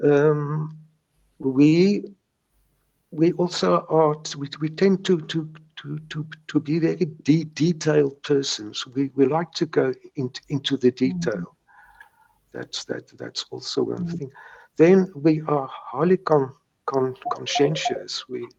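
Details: Stuttering in a man in his 70s who has stuttered since age three; he still gets mild blocks; this stretch contains word and part-word repetitions.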